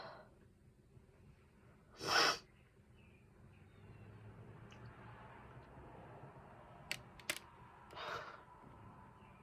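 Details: Single sharp sneeze followed by quiet room noise, a few clicks and a soft breath, from a person who says they are allergic to something in one room of their house and sneezes just by being there.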